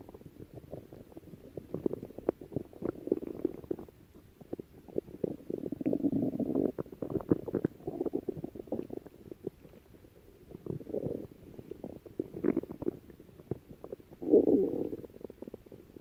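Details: Stomach growling (borborygmi): repeated waves of soft bubbling and gurgling rumbles with quiet gaps between them.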